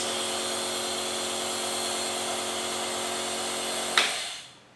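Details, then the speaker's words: Nebulizer compressor unit switched on with a mouthpiece held between the teeth to deliver medication as vapor to the lungs: steady mechanical hum with bright hiss, then abrupt click as it switches off; compressor running normally. "दांतों के बीच में इसको ऐसे करके फंसा के आप अपना कंप्रेशर यूनिट ऑन कर लीजिए और इस प्रकार आपके भाप आपके मुंह से जो आपके अंदर लंग्स में जानी है दवाई, उस प्रकार ये दवाई प्राप्त हो सकती है, पहुंच जाएगी।"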